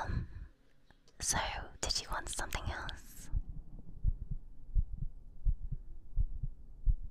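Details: ASMR stream recorded with a 3Dio binaural microphone: whispering, then soft regular low heartbeat thumps at about 85 beats a minute.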